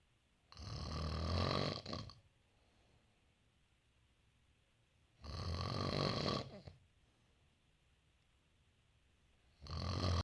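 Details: Loud, rough snores at steady intervals, about 13 breaths a minute, with quiet pauses between; snoring during sleep.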